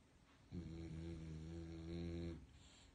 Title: snoring dog.calm and comfortable